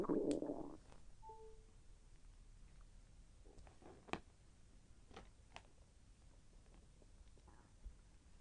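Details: Self-recorded stomach growling during digestion, with slight pain as the intestine moved: soft irregular gurgling and rolling sounds with a brief louder rush at the start; borborygmi.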